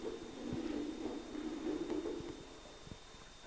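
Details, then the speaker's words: A dog's heart, played as the typical murmur heard in veterinary cardiac practice: a steady whooshing murmur running over the beats; heart murmur. "No podemos diferenciar uno de otro si no los estamos escuche y escuche. Este será el típico que escucharemos."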